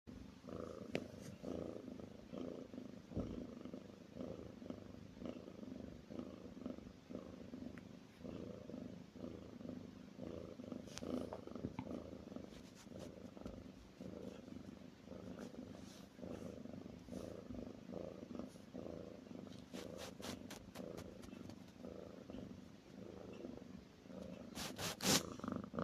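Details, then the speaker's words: Sleeping female cat snoring loudly, likened to a tractor yet said to be still quiet: a continuous low, rasping, rhythmic rumble. "Твой краб слышно за стесенко, наверное. трактора завела. Это ещё тихенько."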